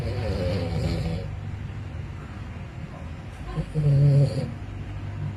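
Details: Pet snoring during a nap: a low rumbling snore on a breath, then a quieter stretch and a second, louder snoring sound.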